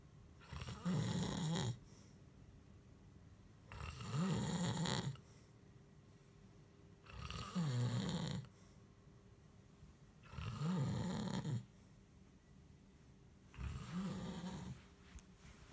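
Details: Snoring from a man or a cat (both are said to snore): loud rattling snores on each in-breath, about 19 a minute, with quiet pauses between.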